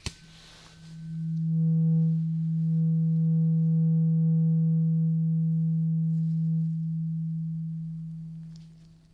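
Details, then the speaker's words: Steady pure test tone held about seven seconds in a simulated ASMR ear-exam roleplay, as a hearing test on one ear with the listener's eyes closed, asked to say when the sound stops; a tuning fork is mentioned. "Great. Now, let's do some hearing test."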